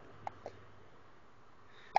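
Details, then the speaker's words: Baby girl who often gets hiccups, grunting: three brief, sharp, soft catches at irregular gaps over two seconds in a quiet room; hiccups. "You going to give me You give me a smile. Now you just got a grunt and hiccup."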